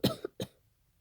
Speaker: hey guys I'm gonna be doing I'm kind of a talkie also I have a really bad cold right now I don't know if you can tell by my voice